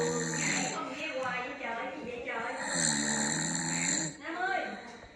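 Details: Person snoring at 2am: loud, rattling, buzzy snores with a voiced, groaning quality on each breath during sleep.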